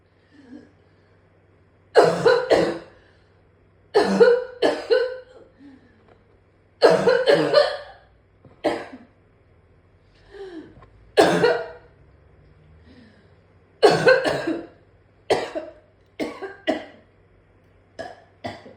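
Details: An adult coughs in rapid clusters of forceful bursts, about eighteen over twenty seconds, in a severe coughing fit so bad that they vomited on the floor.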